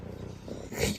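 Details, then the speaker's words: Chubby pet cat being readied for a bath: steady, low rumbling vibration of loud purring, described as snoring, with a brief burst of louder noise near the end. "你听到没有？还打呼噜啊！看这个呼噜声，你看到没有？"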